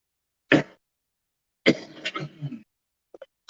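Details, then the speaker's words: One sharp cough, then a longer rattly cough with throat clearing, from an adult man with a chest infection; cough. "Bit of chest infection, as you can hear."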